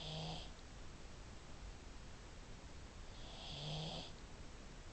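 Two deep, rattling snores with a low buzzing tone, a few seconds apart: snoring in a small flat-faced dog.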